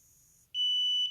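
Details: Near silence, then one steady high-pitched beep lasting about half a second as an apomorphine infusion pump finishes resetting its piston after the infusion ends and becomes ready for use.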